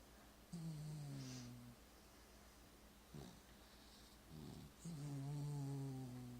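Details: A dog snoring while asleep: low, buzzing, tonal snores on each breath, with quieter breaths between.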